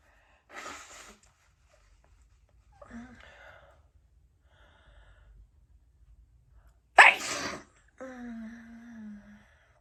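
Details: Two wet night-time sneezes from an adult woman with a very itchy nose, each a sharp explosive burst, the second louder and followed by a brief vocal sound; sneezing.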